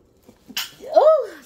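A single adult sneeze: a sudden sharp burst of air, then a brief voiced trailing sound.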